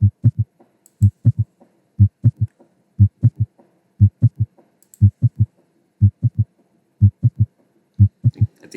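Simulated heart sounds at about 60 beats a minute, each beat a firm pair followed by a soft low thud: a ventricular gallop (S3).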